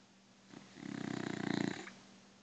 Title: Beagle snores